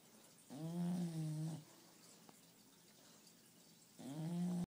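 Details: Snoring in a napping bulldog puppy (bulldogs aged 1 year and 5 months napping together): drawn-out, humming snores on the breath in, about every three and a half seconds.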